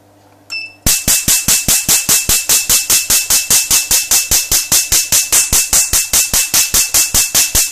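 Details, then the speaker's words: Q-switched YAG tattoo removal laser, switched to a higher frequency and ready mode, fired with its pedal and its head against paper to remove blue ink. A brief tone, then sharp, regular snapping pulses at about 150 per minute. "now i've got the head against the paper and i'll demonstrate it right"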